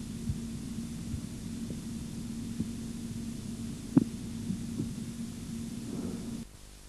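Faint tapping beats over a steady low hum, the Korotkoff sounds heard while a cuff deflates.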